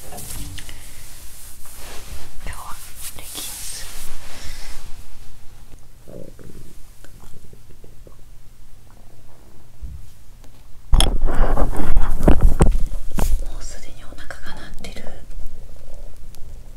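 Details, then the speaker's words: Hunger bowel sounds (borborygmi) from the stomach of a person who has not eaten for more than 15 hours, recorded in the opening segment. ""I'm hungry, so I hear a lot of stomach noises.""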